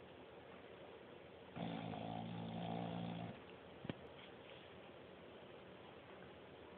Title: Rump roast snoring